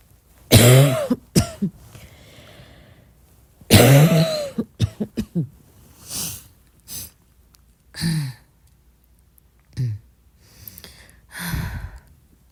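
About eight coughs in short bursts, two stronger and the rest soft and muffled, in a quiet room: a soft cough.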